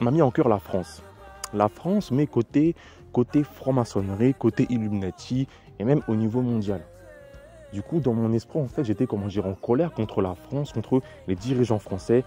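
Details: Stuttering in a French-speaking man who describes it as a terrible stutter and attributes it to witchcraft.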